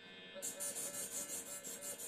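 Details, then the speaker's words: Veterinary phacoemulsification training, with the fully connected machine tested before entering the eye: a hissing, pulsing rasp with a faint high tone as the handpiece alternates aspiration only and aspiration plus ultrasound in pulses. "Только аспирация… Плюс ультразвук… Только аспирация… Еще ультразвук… Меньше импульсы…"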